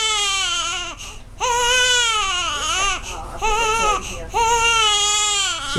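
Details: Hungry infant girl crying in rhythmic, insistent long bursts with short breaths between, sucking on the parent's arm; hunger cry.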